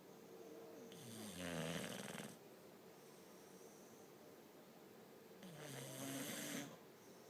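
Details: Two bully-breed dogs napping on the couch in the afternoon: rhythmic snoring with a whistling, squeaky edge on each breath, about every four to five seconds, in a quiet room.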